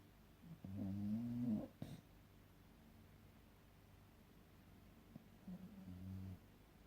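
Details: Sleeping subject snoring: two low, rumbling snore sounds a few seconds apart against quiet room noise; ordinary snoring.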